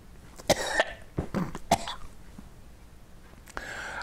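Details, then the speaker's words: Adult netcast host with a sudden scratchy throat, needing water: a few sudden dry coughs and a throat clear against faint room noise; an irritated-throat cough. "coughing because I got something scratching my throat all of a sudden but it was an appropriate cough for the weirdness of the thing too"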